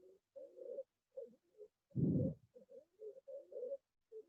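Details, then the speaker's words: Paediatric bronchiolitis/asthma teaching example: short, repeated musical, crowing breath noises with one louder harsh burst; stridor. "এই যে স্ট্রাইডর বলছিলাম প্রথম দিকে, এই স্ট্রাইডর।"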